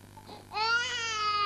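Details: Infant gives a sustained, strongly voiced wail that drops sharply in pitch near the end, over a steady low hum, during respiratory chest physiotherapy.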